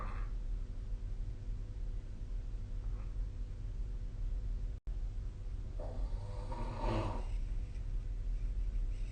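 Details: Snoring during sleep recorded with a snoring app: steady low rumbling room noise with a coarse, rattling breath sound toward the end.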